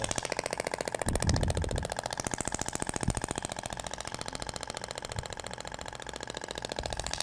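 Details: Radial shockwave device (Thork, max 200 mJ) firing rapid, regular clacking pulses, about 3–4 per second with a few louder knocks, applied slowly over the gelled abdomen around the umbilical scar in a practical training demonstration.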